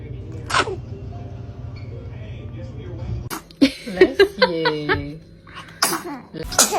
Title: The baby is sneezing.#interesting #funnyvideos #love #newyork #funny